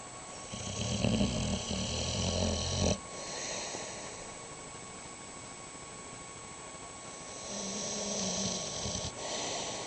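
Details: Boxer dog snoring with eyes open: low rumbling snore on breathing, then quieter snuffling breath over steady room hum.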